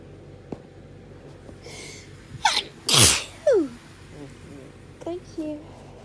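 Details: One forceful sneeze after a gasping in-breath, with short vocal sounds and brief talk around it, from someone whose hay fever allergies have been very bad this week.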